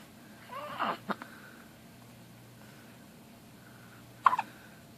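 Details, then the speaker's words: Baby girl with hiccups: soft infant vocalization, then two brief, sharp catching sounds a few seconds apart; common harmless hiccups. "oh my gosh your hiccups are adorable you get aggravated oh don't cha"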